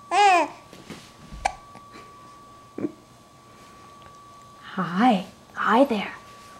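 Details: A 12-week-old infant coos and babbles, with a couple of brief, sharp hiccup sounds in the pauses; faint steady background tone.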